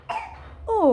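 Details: Voluntary fake cough from a young child pretending to cough to get cough syrup: a short, voiced, deliberate cough, then a falling vocal sound.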